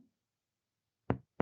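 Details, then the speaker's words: Chest percussion downward along the midclavicular line from the second intercostal space: two brief, hollow taps. Sub-dullness from lung overlying liver turns resonant again when the patient breathes deeply and holds the breath. Resonant percussion note, a normal finding. "Empezamos a percutir el pulmón hacia abajo sobre la línea medioclavicular. Vamos a escuchar sonoridad."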